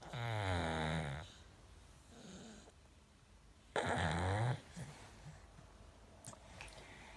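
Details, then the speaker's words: Baby making two loud, rough, low snoring breaths a few seconds apart with quiet breathing between, likened to an adult's loud sleep snoring; snoring. "she's so s really similar you when you sleep loud snoring"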